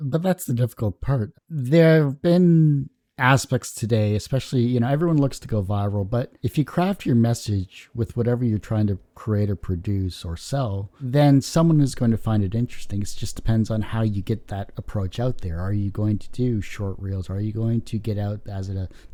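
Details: Adult male speaker; normal speech.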